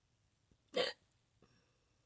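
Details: Person filmed from neck view: a single sharp, loud hiccup with an abrupt glottal snap, followed by a faint second catch; involuntary hiccup.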